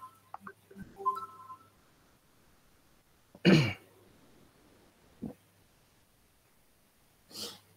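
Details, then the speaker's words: A class participant with a hoarse, raspy voice coughs; they confirm they currently have a cough. "Suaranya kayak agak-agak serak gitu batuk ya Iya Pak Lagi batuk gitu"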